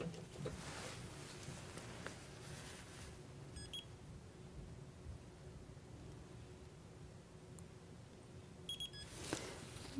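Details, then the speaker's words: Short high electronic beeps over quiet room hiss from a dental curing light curing the lingual surface of a large composite increment while building an anterior tooth; dental curing light beep. "I'm going to cure the lingual surface of my handle cuz that was rather large increment of composite"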